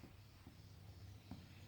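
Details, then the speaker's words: Abdominal percussion during an abdominal examination, three to four taps on the abdomen: soft, hollow tympanic note, a normal finding. "nah disini banyak brosur the pada dasarnya dia sini terdengar suara timpani"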